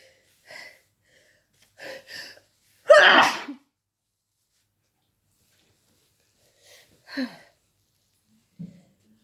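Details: Short inhaled catches build to one loud explosive sneeze, then softer breaths, from a person feeling sick who woke in the middle of the night; a sneeze within a rapid sneezing fit.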